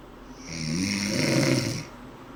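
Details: Snoring: a single rough, low rattling snore lasting about a second in a quiet room.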